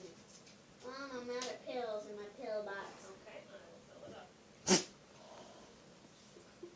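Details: Child sneezing often: a brief child's voice, then a single sharp sneeze with faint room noise around it.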